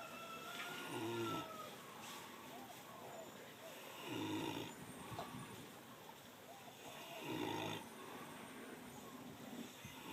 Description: Caught one ov our piggs snoring in its sleep haha funnyy..